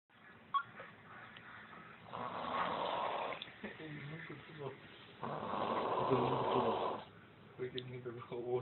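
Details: Man snoring in Florida: rough, buzzing snore noises in a steady rhythm, each lasting a second or two.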